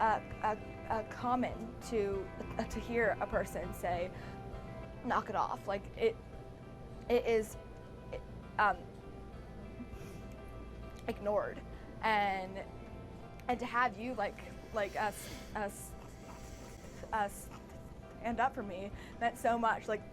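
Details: Actress whose stutter is real, not acted, speaking in a staged TV scenario: stuttering.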